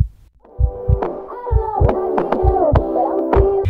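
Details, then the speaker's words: Cardiovascular exam teaching demonstration: paired low heart thumps at about 65 a minute under background music, normal first and second heart sounds with nothing extra, before auscultation at the apex and valve areas. "try to identify the first two heart sounds then listen for anything extracurricular"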